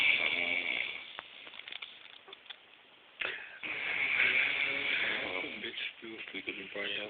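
Rattling, buzzing breath noises rising and falling over two breath cycles; snoring with some faint background noise.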